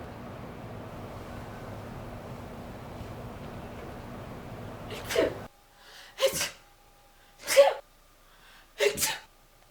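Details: Room hum, then four sharp sneeze bursts in quick succession, each preceded by a brief intake; a run of sneezes.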